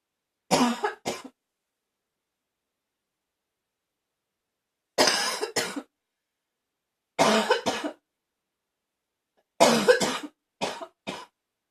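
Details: Four bouts of harsh, barking coughs, two or three coughs each, in a quiet room: a barking cough.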